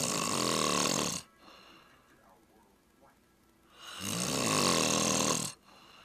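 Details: Snoring recorded with a Flip Video camcorder: two loud, rough, buzzing breath sounds separated by a quiet pause of about three seconds.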